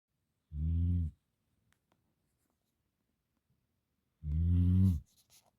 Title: Snoring Gamper Dog